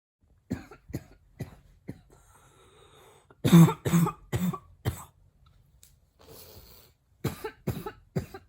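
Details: Female imitating a barking cough with mouth closed: about eleven short, muffled, forceful coughs in bursts; says it's hard to keep mouth closed when coughs are so hard.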